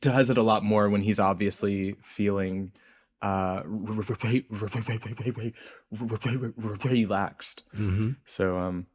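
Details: Adult researcher who reports a speech impediment audible throughout the interview; stuttering.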